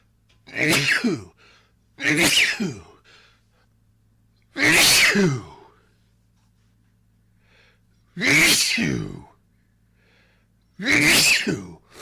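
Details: Sneezing fit attributed to allergies: five loud, explosive sneezes in quick succession over twelve seconds, each with a sharp burst of air.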